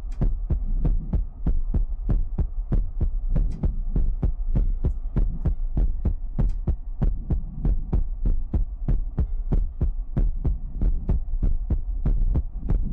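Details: Heartbeat sound in a Chinese ASMR livestream featuring mouth sounds, ear picking and water drops: steady low thumping pulse at about 95 beats a minute over a soft hum.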